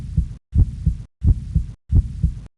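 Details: Steady paired lub-dub thumps, about 90 a minute, with short silent gaps: a regular heartbeat sound effect accompanying an animation of an adult male's heart beating.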